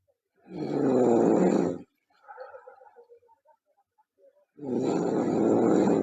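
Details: A girl snoring loudly: two rough, rattling inhaled snores separated by a quieter exhale; heavy snoring.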